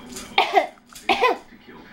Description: 05/17/2009 Baby using fake coughing on occasion when bored, frustrated or to get our attention (30 weeks old).